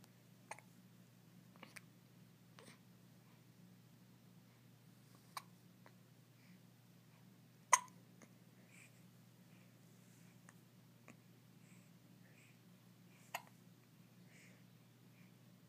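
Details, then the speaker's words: Morning hiccups in a person: faint, abrupt clicking catches at irregular intervals in a quiet room, with one louder hiccup. "has the hiccups."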